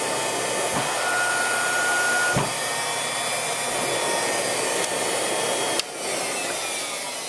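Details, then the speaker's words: Cough assist machine (mechanical insufflation-exsufflation) that inflates the lungs and then exhales to clear fluid for a patient who can't cough: a steady, loud vacuum-like blower roar with brief clicks and pressure shifts. "So this is a little bit loud. Again, it sounds pretty much like a vacuum cleaner."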